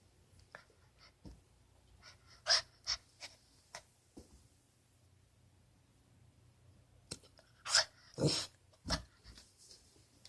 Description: 8 week old puppy with hiccups